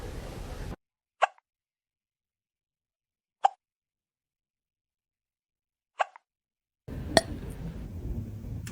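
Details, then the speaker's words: Cat hiccups, which the owner links to eating food too fast: three short, sharp hiccup sounds about two and a half seconds apart, with faint room noise before and after. "You have the hiccups. Oh, baby."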